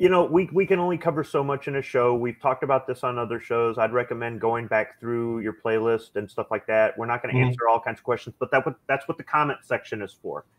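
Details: Adult man speaking; ordinary speech.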